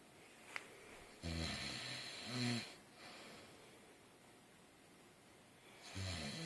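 An adult snores loudly: harsh, rattling snores on the in-breaths, three in about six seconds, with quiet pauses between them.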